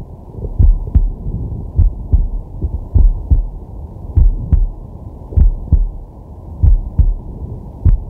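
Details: A man relaxing or sleeping, recorded with a digital stethoscope on his chest: steady, regular lub-dub heart sounds at about 50 beats a minute with a soft rush of slow breathing. Normal heart sounds.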